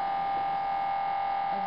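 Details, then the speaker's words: Inside an MRI scanner as a volunteer nurse begins a full cervical spine series, coil over her cervical spine: steady loud electronic buzzing tone, the gradient noise of a sequence. "and now she's being put into the MRI can I this is what it sounds like inside the MRI right now"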